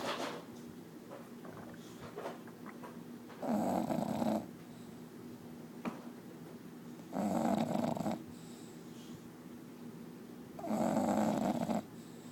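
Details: Sleeping bulldog snoring: three long, loud rattling breaths about every three and a half seconds, quiet breathing between. Snoring.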